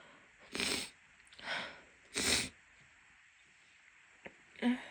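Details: Woman with a cold having an unstifled sneezing fit: three forceful sneezes with audible inhalations between them, in a quiet room.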